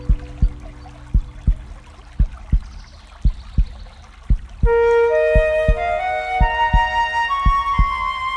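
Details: Heartbeat sound effect in calm epic music: paired low lub-dub thumps at about 55 to 60 a minute under soft flute music.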